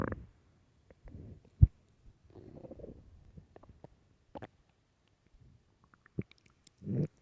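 Quiet recording with scattered low gurgles and rumbles from the abdomen, some loud; stomach growling from an empty stomach.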